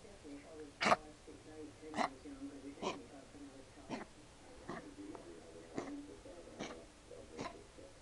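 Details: A 3-month-old female rescue puppy, possibly a collie mix and small for her age, has kennel cough and is under treatment. She is lethargic with a runny nose, and makes repeated high guinea-pig-like squeaky breaths with sharp hacking coughs.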